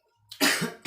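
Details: Cough after eating unripe pineapple: one harsh, forceful cough burst with brief throat-clearing onset, starting another cough at the end.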